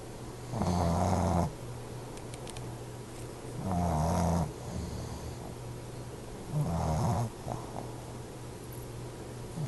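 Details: Two sleepers snoring together: three loud, low, rattling snores about 20 a minute, with quieter breathing between. Steady rhythmic snoring during sleep.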